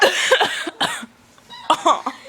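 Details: A few short, harsh bursts of coughing or throat clearing in a small room, in a recording presented as burping; a cough.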